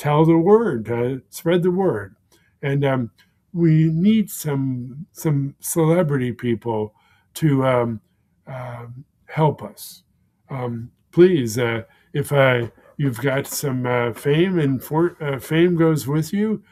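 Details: Man with aphasia for more than 16 years following a stroke; aphasia.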